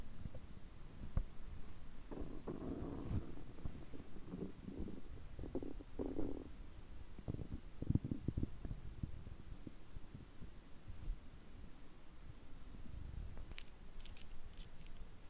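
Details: Stomach growling recorded on a day of overeating, when the stomach reportedly groans for over three hours: low gurgling and bubbling belly rumbles coming and going; borborygmi of digestion.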